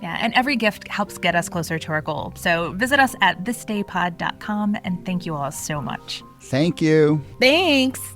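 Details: Adult speakers, podcast; Normal speech.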